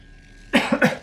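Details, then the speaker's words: Two quick, harsh cough bursts from an adult streamer with a sore voice who is coughing and clearing the throat, after a brief quiet stretch. "I'm sorry for my voice guys and I'm like coughing and clearing my throat a bunch"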